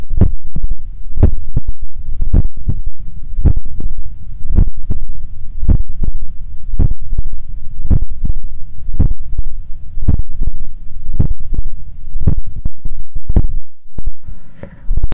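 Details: Heart sounds via stethoscope at the apex while lying on the left side; strong, steady, loud lub-dub at about 54 beats a minute.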